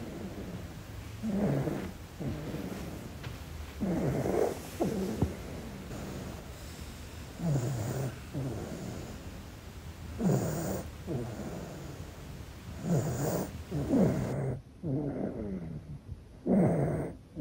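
Soft, low rattling snores from a sleeping infant, roughly 20 to 25 breaths a minute, slightly irregular.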